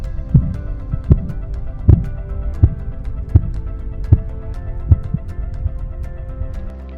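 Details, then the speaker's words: Regular soft Korotkoff sounds, about 78 a minute, heard over the brachial artery during cuff deflation, used to record systolic and diastolic pressure; background music. "The appearance and disappearance of Korotkov sounds, which are pulsatile circulatory sounds heard upon auscultation of the brachial artery, are used to record systolic and diastolic blood pressure."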